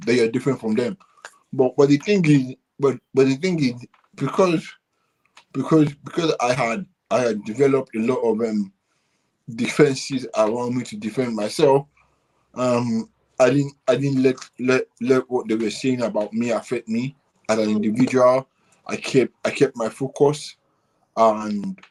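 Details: Adult man with cerebral palsy since birth, which he attributes to high bilirubin at birth and says affects movement and speech: dysarthria (cerebral palsy).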